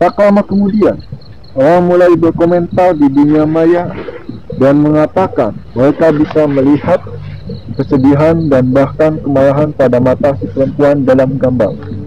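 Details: Adult man who says he is 'cadel', speaking Indonesian; rhotacism (difficulty pronouncing R).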